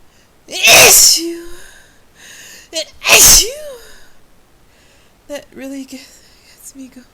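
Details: Sneezing fit triggered by a new spice, usually forceful and desperate: two loud, explosive sneezes, each with a sharp vocal burst, followed by brief talking.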